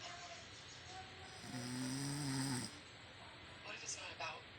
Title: MY WIFE SNORING/SLEEPING 01/24/22